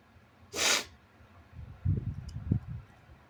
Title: sneezes & noseblows (he/they)